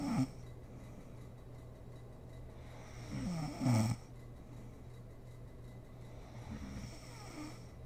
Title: SNORING MOM SLEEPING ASMR SERIES